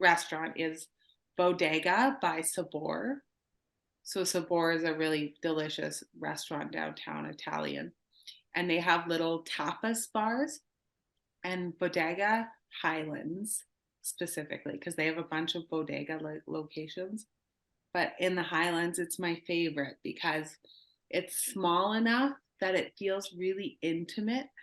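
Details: Adult woman; no disorder.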